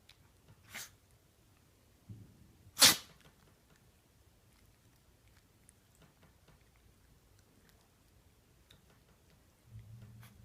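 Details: Pomeranian dog sneezing while dressed in pajamas and ready for sleep: two short, sharp nasal sneezes, the second louder, in a quiet room.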